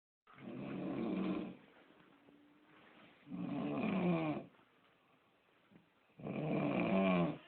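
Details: Steady snoring: three long, rattling, low snores, about 20 breaths a minute, with quiet pauses between.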